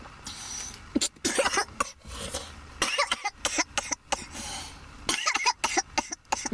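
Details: Repeated harsh coughing fits with throat clearing in clustered bursts after inhaling marijuana smoke; cough after smoking.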